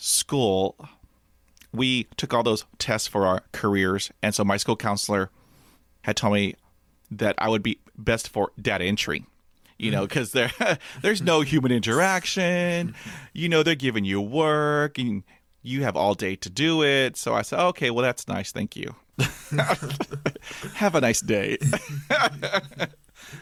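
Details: Stuttering with blocks and repetitions in an adult man who has had years of speech therapy.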